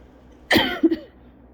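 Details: Adult with cough-variant asthma, still coughing after bronchitis a couple of weeks earlier: one harsh cough burst followed by two shorter, softer coughs, a persistent, lingering cough.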